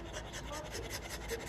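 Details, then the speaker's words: Rapid, even panting with soft airy breaths and no snorting, rattling or straining from a brachycephalic dog after BOAS airway surgery: unobstructed panting. "surgery panting you can hear a sound to their panting but and I I you know sometimes the interns in Residence will sort of make fun of me but in an exam room I will make everybody close their eyes and if no one can guess that there's a brachycephalic in the room then we've done our job because you can hear them panting"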